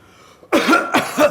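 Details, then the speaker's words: Whooping cough (pertussis) in an adult: two harsh, forceful coughs in quick succession. "You cough so much, you're having trouble getting air back into your lungs, which could cause other flu-like symptoms."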